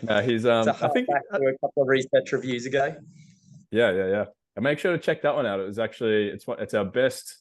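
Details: Adult male speaker(s), podcast conversation; normal conversational speech.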